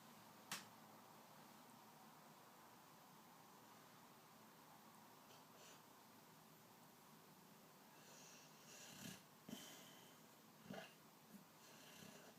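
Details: Dog named Poncho sleeping peacefully: quiet room, then soft rasping snores on each breath toward the end, ordinary snoring.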